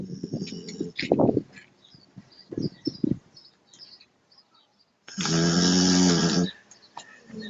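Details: Dog snoring while sound asleep; a loud, rattling snore with softer snuffling breaths and some room noise.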